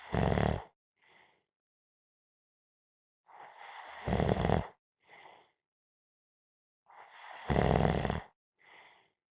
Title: Napping -Snoring Sounds